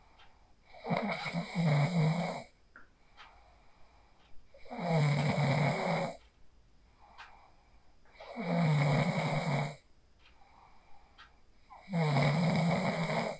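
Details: Real sleep snoring recorded on a phone after practicing the 4-7-8 breathing technique: regular harsh vibrating snores with each inhalation, roughly 17 a minute, separated by soft exhalations; ordinary snoring.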